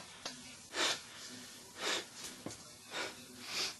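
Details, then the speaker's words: Failed sneeze: repeated sharp, breathy inhalations build toward a sneeze that never comes, and the man complains that it won't come out. "It won't come out. Ah. It won't come out. Ah. It wouldn't come out. Fucking sneeze. God damn it. I hate when that happens."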